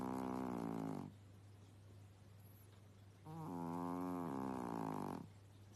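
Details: Sleeping lazy cat snoring: two long, buzzing, tonal snores a few seconds apart over a low hum.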